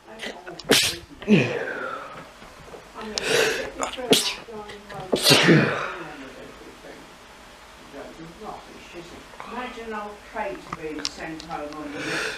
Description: hachew I hate those plants